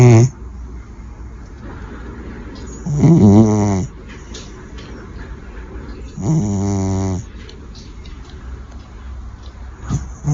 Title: Adorable Kittens SNORE Like Crazy!